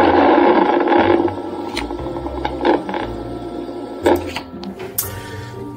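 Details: Needle EMG of the orbicularis oris during strong lip contraction in a woman with 2-year chronic bilateral facial paralysis shows dense crackling, rattling motor-unit firing with mains hum, with intense reinnervation and no active denervation.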